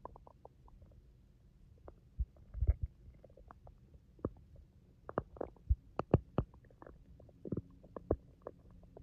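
Irregular gurgles, pops and low rumbles from the abdomen: ordinary stomach growling.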